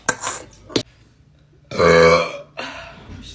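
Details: Female: a short clicky sound, then one long, deep, voiced burp followed by a softer trailing one; belching.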